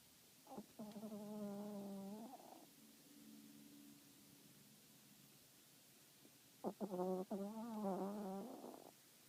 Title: Princess snoring 2nd attemp